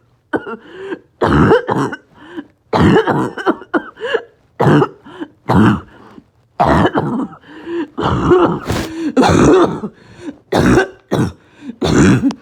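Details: Coughing spasm in COPD with low oxygen: repeated harsh, barking, choking coughs in back-to-back spells with gasping between bursts and extreme shortness of breath.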